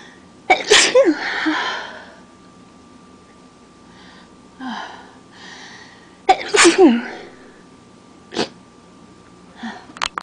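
Two forceful sneezes, each with a sharp intake and explosive burst, followed by sniffs and softer breaths; allergic sneezing.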